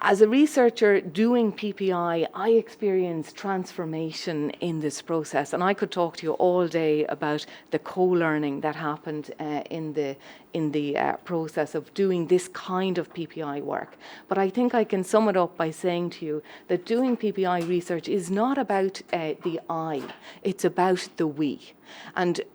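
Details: Adult woman speaking; ordinary speech.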